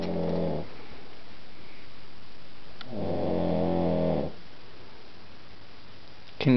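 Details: Man snoring at 1:30 a.m. after a few drinks at a friend's house: two long, low, rattling snores, each spanning inhalation, separated by a quiet exhale.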